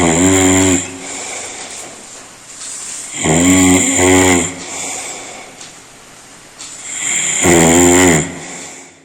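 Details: Human snoring: very loud, rough snores in long drawn-out bursts, roughly 16 a minute, with quieter breathing between; heavy snoring.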